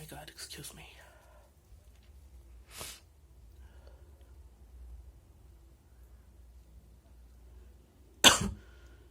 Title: wet sneezes & nose blows + some cough